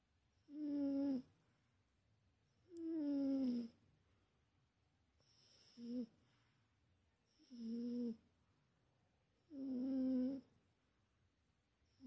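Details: Big Wilson, a cat, snoring in sleep: loud, tonal, buzzing snores on each breath, about five in twelve seconds, with quiet pauses between.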